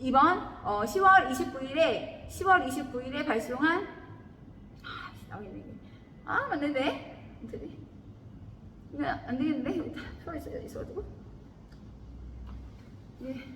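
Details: Adult woman; sleep talking (somniloquy).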